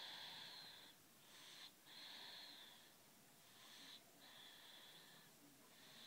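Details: Snoring during sleep: high-pitched whistling tones come and go with each breath in a quiet room, with little low rumble, consistent with a whistling nasal-type snore.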